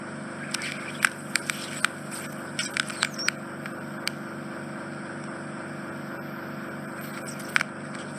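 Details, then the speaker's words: Endoscopic ear suction in an adult man's infected right ear canal, working around a bend to reach deep dead skin: a steady low suction hum with scattered sharp crackles and clicks as debris is drawn up. "all the sound they're not the most soothing are they no much truth about people set back it sounds like five paper crackling"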